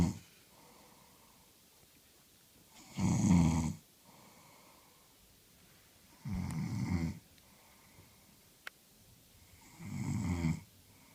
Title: My fiancee reading while snoring - mega funny